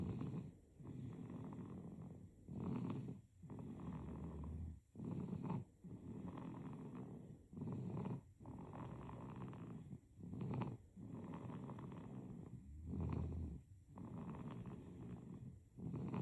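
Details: Sleeping baby snoring: steady rumbling snores with each breath, about 23 breaths a minute, some rougher and deeper.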